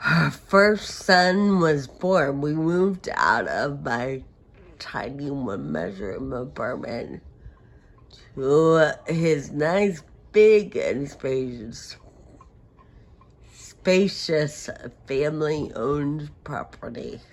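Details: Adult woman with Friedreich ataxia who uses a wheelchair: ataxic dysarthria.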